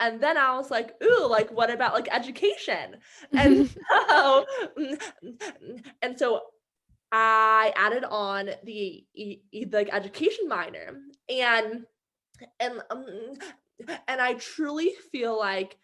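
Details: Adult woman who stutters, with repetitions in her speech; stuttering.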